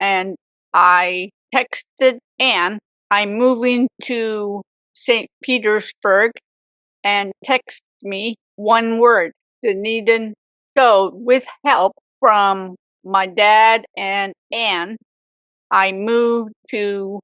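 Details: Adult woman, real stroke survivor, with aphasia for 18 years after a severe stroke at age 44; aphasia.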